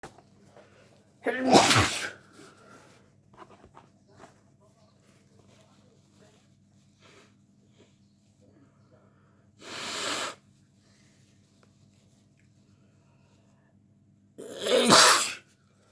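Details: Three loud, sharp sneezes with quiet pauses between them over a faint steady room hum.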